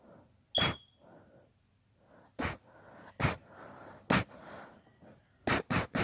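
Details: Induced sneezing fit, part of a long session: seven sharp sneezes in about six seconds, separated by soft breathy build-ups, the last three in quick succession.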